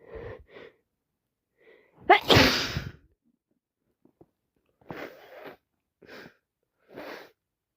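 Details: Person with a cold plus sinusitis and a full nose who cannot stop sneezing: a loud explosive sneeze with short sniffs before it and congested, snuffly breathing after.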